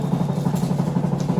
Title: NMD Nexus Medodent Dental Air Motor with irrigation substitute for clinical Micromotor 2021 #dental